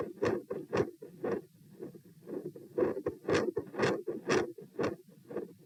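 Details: Heart sounds at position P, sitting and standing, 96 bpm sitting and 108 standing: rapid beats with a harsh, rumbling continuous machinery-like murmur through each cycle, fading out.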